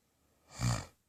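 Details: An adult woman snoring in her sleep in the middle of the night, said to make crazy sounds that have been getting worse: a single deep, low-pitched, rumbling snore in a quiet dark room.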